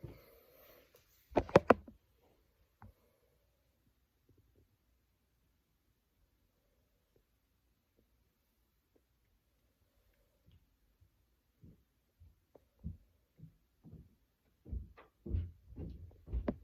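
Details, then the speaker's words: Scattered soft low gurgles and clicks after a quiet stretch over the abdomen during a nurse's bedside assessment before discharge: normal, active bowel sounds. "Alright. So you have normal, active bowel sounds."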